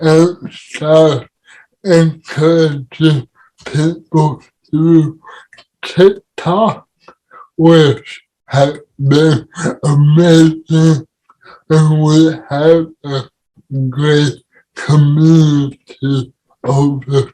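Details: Adult man with cerebral palsy; dysarthria in cerebral palsy.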